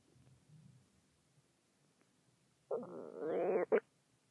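Faint low rumbling, then a loud, squeaky, rising gurgle and a short pop: stomach rumbling from gas and fluid.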